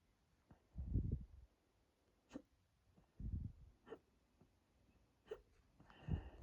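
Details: Person deliberately drank lots of water to induce hiccups; stomach bloated and tight, hiccups quieter; sharp abrupt gulping catches a few seconds apart with low muffled chest thumps, hurting chest and throat: hiccups.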